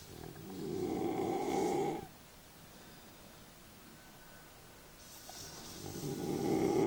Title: Snoring bullmastiff (Mash)